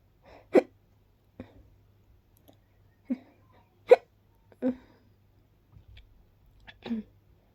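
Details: Person with pollen allergy and hiccups: sharp, brief voiced bursts recurring irregularly, about six in seven seconds, in a quiet room; hiccups.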